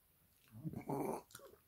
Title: Westie after dinner Burp!! She loves her food 😂 Funny dogs.